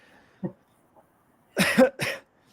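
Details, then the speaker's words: A faint catch, then two short harsh cough bursts from an adult man during a podcast interview after drinking, the drink going down wrong; a choking-type cough in a quiet room. "but now um not only with the the drinking coughing thing you you just saw"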